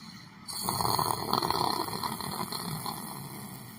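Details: Snoring.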